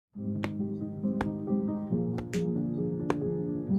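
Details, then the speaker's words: About five sharp joint cracks over steady music, said to be mostly harmless gas bubbles releasing from the joints rather than bones breaking; joint cracking (crepitus). "आपके भी जॉइंट से ऐसी ही आवाजें आती हैं? और क्या ये हड्डियां टूट रही हैं? सबसे पहले तो नहीं, आपकी हड्डियां नहीं टूट रही। मोस्ट ऑफ द टाइम्स ये आवाज आती है due to gas bubbles releasing from your joints."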